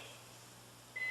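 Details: AED in an instructional training demonstration: a steady high electronic tone after rhythm analysis, just before the device announces "shock advised."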